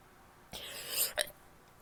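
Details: Female sneezing: one hissing, airy burst ending in a sharp snap, like a stifled sneeze.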